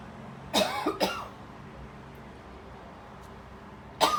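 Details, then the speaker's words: Three short, throaty, loose phlegmy coughs in a quiet apartment room; the person says more phlegm needs coughing up and attributes it to "frequencies" in the apartment. "I think I have more phlegm to cough up."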